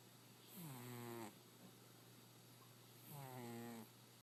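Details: Sleeping cat Chester, said to have something like asthma that makes him snore; two drawn-out buzzing snores with a rising whistle-like tone, each under a second, over background hum.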